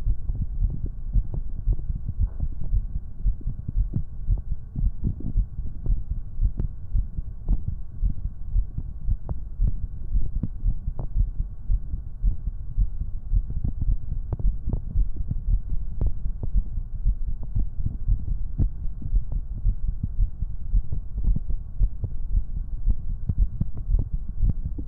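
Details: Soft, steady low thumps of an adult heartbeat with normal rhythm under a constant low hum, from an ASMR stream on a 3Dio binaural microphone.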